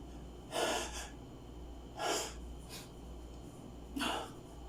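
Three short, sharp nasal bursts of air about a second and a half apart, over a steady room hum: repeated sneezing.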